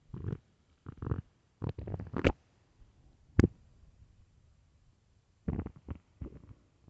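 Short irregular bursts of low gurgling and squelching from the abdomen in a quiet room; ordinary stomach growling on an empty stomach.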